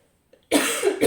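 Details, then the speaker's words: Adult woman's cough at the start of a coughing fit, which has recurred during the recording. "vais m'arrêter là parce que du coup j'ai une quinte de toux qui démarre"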